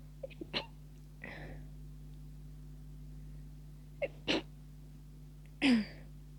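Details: Stifled sneeze attack near the end of a cold, tickling sneezes: several short, muffled, held-back sneezes with small catches of breath over steady background hum.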